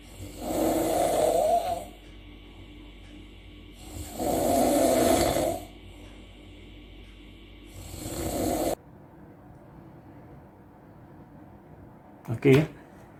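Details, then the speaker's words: Snoring in an adult man, recorded while trying one of six anti-snoring devices; three long, rough snores about 16 a minute separated by quieter breaths, faint music underneath; wife reported the device reduced snoring and made breathing more rhythmic. "jadi reviewnya dari istri saya mendengar semalam setiap menggunakan ini adalah ini yang cukup mengurangi suara ngoroknya"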